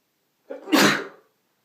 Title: 6 Sneezes (M)